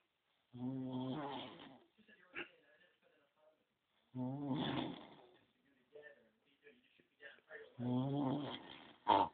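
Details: Sleeping person snoring while being poked: three loud, low, rattling breath sounds a few seconds apart, with faint softer noises between; snoring.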